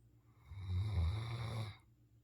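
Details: One deep, low rumbling snore lasting just over a second, rising and fading, in a quiet room; snoring.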